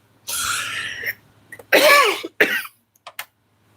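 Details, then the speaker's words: Adult woman, a nonsmoker, has a persistent dry cough of unknown origin: a long noisy breath, then a few short, harsh, dry coughs. "It sounds like I smoke or something and I don't I don't know where that's come from."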